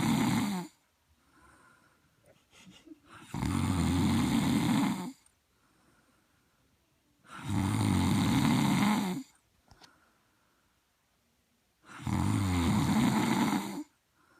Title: Is My Snoring Really That Bad?